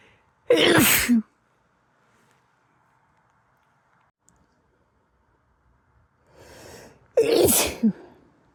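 Two loud, sharp sneezes, the second preceded by a brief inhaled build-up, with quiet room pauses between.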